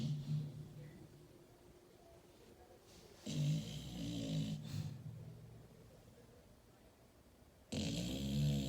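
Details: Sleeping dog snoring loudly, described as sounding like a human: two loud, low rumbling snoring breaths separated by quiet breathing, in a small quiet room; snoring.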